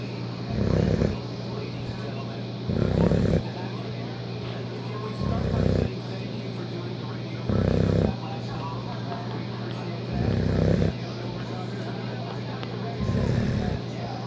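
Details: Sleeping dog snoring: six rough, rumbling snores about 2.5 seconds apart, roughly 24 a minute, over a steady background hum.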